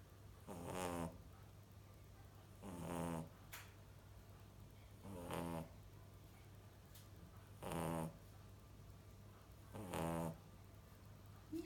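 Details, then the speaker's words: A puppy (young female dog) snoring: five rhythmic, rumbling snores on the in-breath, about 26 a minute, with quiet pauses, in a small quiet room; the household's second snoring dog, like her mother. "Ты чё храпишь, малыш? Ой, моя девочка."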